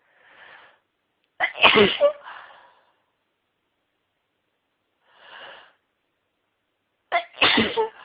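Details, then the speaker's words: Woman's sneezing fit: two high-pitched sneezes, each with a brief breathy intake before the sharp burst, in a quiet room; repeated sneezing. "Sneeze. Let's see. Let's see. Can't stop sneezing. Let's sneeze again."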